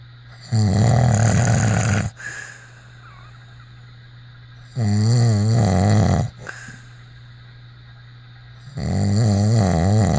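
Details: Loud, rough, vibrating snores on inhalation with quiet breaks, about 14 breaths a minute, steady low background hum; snoring.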